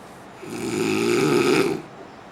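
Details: Man snoring: a single loud, rasping snore lasting about a second on the in-breath, with a harsh fluttering quality.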